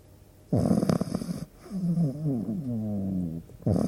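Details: Sleeping pug dog snoring: a loud, rough snore on the in-breath, then a long whistling, wheezy out-breath before the next snore begins.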